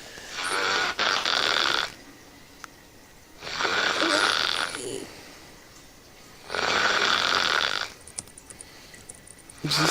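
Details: Man snoring while asleep after a 4am gaming session, with video game audio and talk nearby: three loud, harsh snores about every three seconds, roughly 20 a minute, with quiet pauses between.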